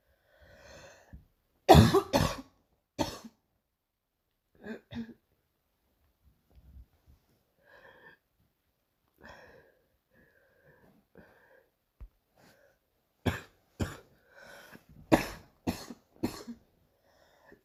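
Repeated bouts of harsh coughing, about eight coughs in two clusters, with quiet breathing and throat sounds between.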